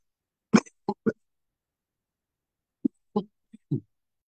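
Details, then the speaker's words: Hoarse adult speaker during a webinar: two quick runs of short, dry coughs, about seven bursts in all, with a pause between runs in a quiet room. "Pardon de cette interruption, mais je suis, vous l'entendez peut-être, très enroué."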